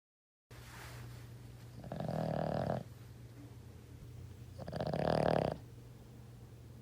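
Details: Dog snoring while asleep, recorded to make sampler instruments: two loud, rasping snores separated by quieter breathing; ordinary snoring.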